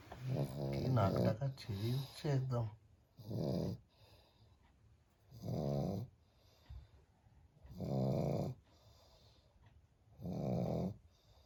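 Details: Sleeping pug lying down, with loud, rattling, snorting, throaty snores about 25 a minute; the owner teases that it should be guarding the house. Snoring.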